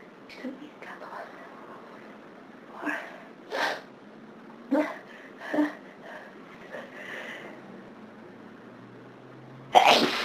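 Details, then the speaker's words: Series of sharp, explosive sneezes with quick breaths between, some preceded by a short indrawn gasp, ending a long bout on a day of severe hay fever; sneezing. "I think that's it this time. God, I hope so."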